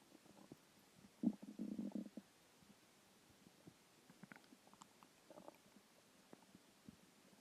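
Gurgling, bubbling stomach growls, one longer rumble then softer scattered gurgles: ordinary hunger bowel sounds.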